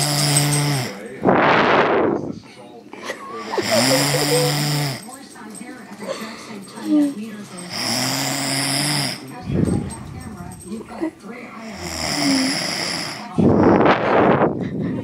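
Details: Brother snoring loudly in sleep: loud, deep rumbling snores on each in-breath, about 15 a minute, with sharp snorting exhalations; heavy snoring.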